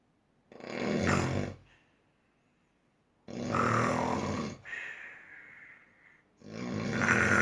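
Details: Very heavy snoring: loud, harsh, rattling snores recurring about 20 per minute, with a whistling tone trailing one breath out.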